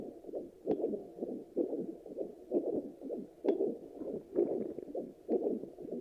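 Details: Handheld fetal Doppler used after delivery: regular whooshing pulses at about 65 a minute, a normal adult heartbeat with a steady rhythm.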